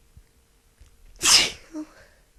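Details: Woman sick with a cold: a single loud, forceful hissing sneeze burst with a brief after-sound in a quiet room; sneeze.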